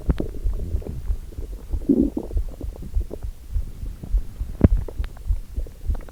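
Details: Hunger borborygmi: abdominal rumbling first thing in the morning from an empty stomach, recorded before breakfast.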